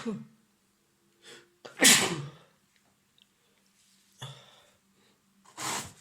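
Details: Simulated role-play of a man with a nasty cold: two sharp explosive sneezes with a sniff and quiet breaths between them; acted sneezing.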